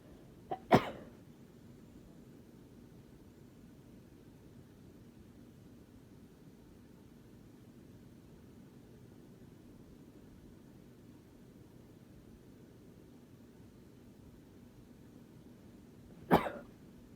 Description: Here’s some sneezes that kind of built up! Might post another soon because I need them out!